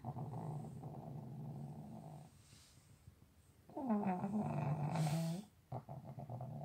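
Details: Person sleeping and snoring like a tractor: loud, low, rumbling breaths with a buzzing, engine-like quality, loudest on inhalation; heavy snoring.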